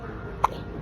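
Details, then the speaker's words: Baby boy with hiccups after a full supper: a single brief, soft hiccup over quiet room noise; an ordinary infant hiccup. "That baby got some hiccups tonight."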